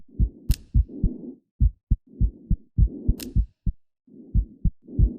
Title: Heartbeat audio update